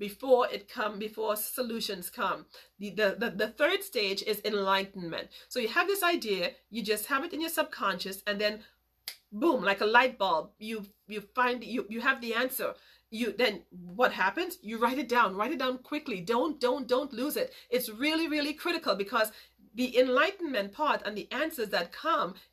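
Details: Woman who grew up with a major speech impediment and still stutters sometimes; word repetitions; stuttering.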